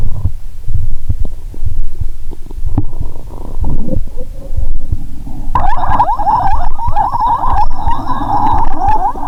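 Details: Bowel sounds heard through a stethoscope while lying down after drinking cola and swallowing Mentos: low rumbling and gurgling, then a louder continuous fizzing, bubbling gurgle of gas-filled bowel.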